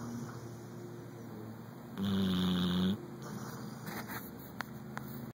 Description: Our chocolate Labrador snoring with partial eye open